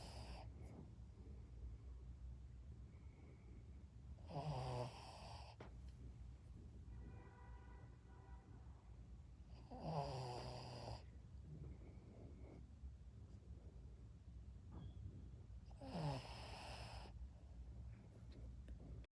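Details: Sleeping Shih Tzu giving rhythmic, rough, rattling breaths about every six seconds, roughly 11 a minute, over a low steady hum; dog snoring.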